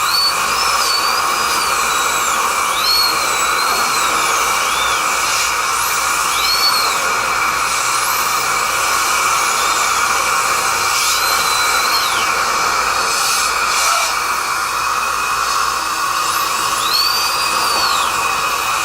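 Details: Real dental drill recorded from the patient's position: continuous high-pitched whine with repeated rising and falling squeals as it works.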